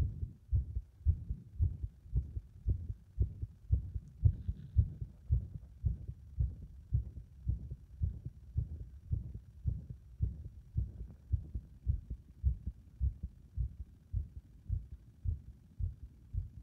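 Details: Fast heartbeat near 110 a minute with thumps varying in spacing and strength: the heart becomes unstable and irregular under compression.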